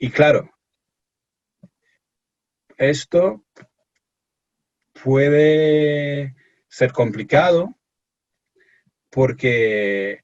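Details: Stuttering in an adult male from England speaking Spanish as a second language in an interview; he reports anxiety and pressure when speaking.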